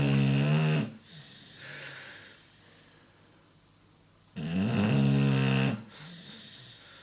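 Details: A Beagle snoring really loud: harsh, rumbling snores on each breath in, two in seven seconds, with softer breathing out between them; snoring.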